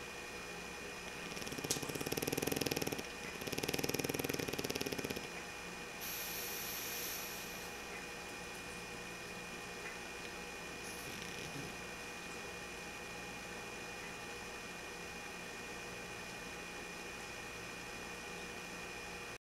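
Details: A sleeping pug snoring: two loud, rattling snoring breaths, then a soft hiss over steady room hum.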